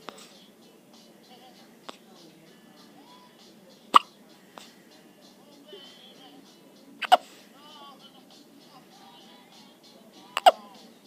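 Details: Hiccups recorded on day 15: sharp, abrupt hiccup sounds recurring every few seconds over quiet background voices and music.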